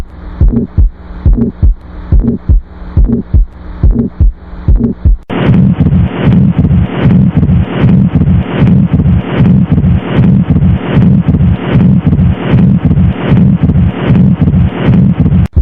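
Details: Teaching recording: regular heartbeat near 77 a minute, with a rushing murmur filling the gaps between beats in the later part; heart murmur.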